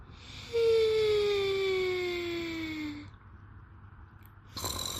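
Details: A sleeping person's snoring: one long, whistling breath sound with a steadily falling pitch, then quiet and a brief rustle.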